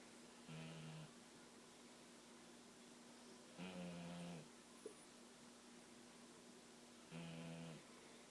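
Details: Boxer dog snoring: three low, buzzing snores spaced a few seconds apart against steady room hum.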